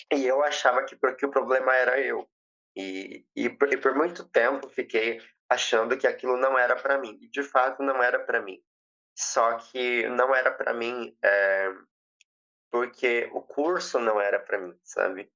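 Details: 20-year-old woman who has stuttered since age 7; past speech therapy; says her speech flows better when she feels welcomed; real speech showing stuttering.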